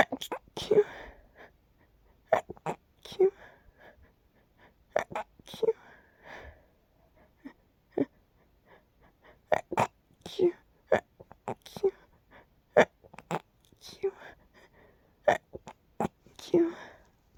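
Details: Nighttime sneezing fit from an itchy tickle that got stuck: rapid run of short, sharp bursts and snorts with brief squeaky sounds, many in under twenty seconds; sneezing.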